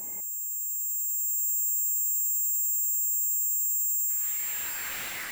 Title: Sounds of tinnitus - buzzing & ringing in ears